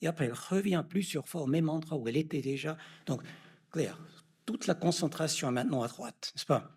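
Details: Adult male lecturer; Normal speech.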